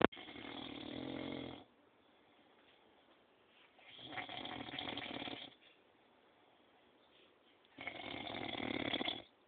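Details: A grandfather snoring loudly in his sleep: three loud, rough snores about every four seconds, with quiet breathing gaps between them.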